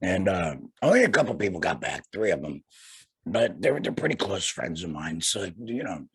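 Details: Tracheoesophageal (alaryngeal) speech in a man after total laryngectomy for cancer, speaking through a vibrating flanged voice prosthesis.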